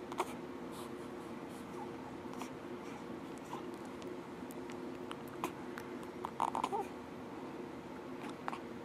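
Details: Soft, brief clicks and small catches recur every second or few seconds against steady room hum. Hiccups in a baby boy after a big meal on his second day.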